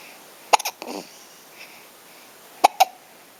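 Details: Hiccups: two pairs of abrupt, sharp catches about two seconds apart in a quiet room.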